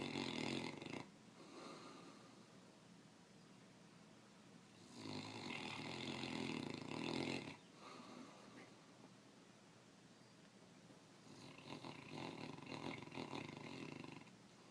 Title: Snore monster